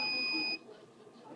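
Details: Steady high electronic alarm tone cutting off abruptly, then quiet room noise: IV infusion pump alarming as the door is opened on an unoccluded line and fluid pours out freely, in a veterinary assistant training demo.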